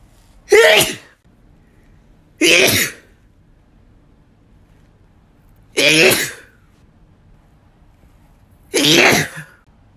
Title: Really Strong Sneezes (m)